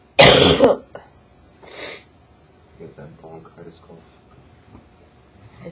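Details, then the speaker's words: Adult with bronchitis who used to get yearly respiratory infections; the cough hurt the whole back and is now improving. A single loud, harsh cough burst, then a breath and faint classroom talk; bronchitis cough. "I used to get like respiratory infections like every year, so like I sound like a camel."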